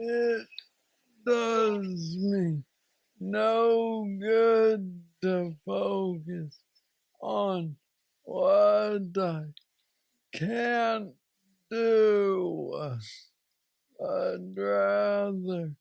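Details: Man diagnosed with aggressive Parkinson's disease at age 35, now 46, reporting steady decline since diagnosis and mobility struggles; has a brain neurostimulator implant; Parkinsonian speech (hypokinetic dysarthria).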